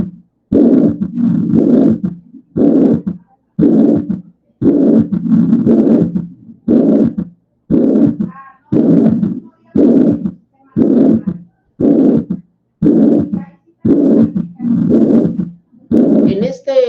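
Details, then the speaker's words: Mitral regurgitation at least moderate, about 58 beats a minute: harsh holosystolic murmur, S2, then an S3 mimicking a split S2, signalling a struggling left ventricle; patient's breathing intermittently audible. "En este diagrama tenemos el S1, tenemos nuestro soplo y después tenemos el S3 que está aquí, que pareciera que estuviera desdoblado el S2, pero esto es un S3."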